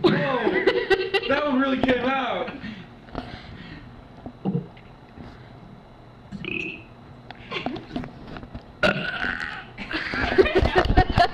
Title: Girl Burps the ABC's